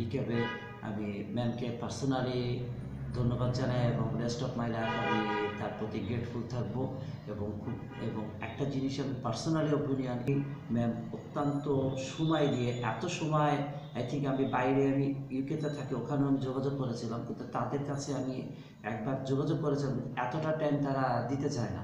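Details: Adult man after 10 days of voice therapy; voice was thin and high-pitched on arrival, began changing after about three days and is now fairly deep; puberphonia after voice therapy.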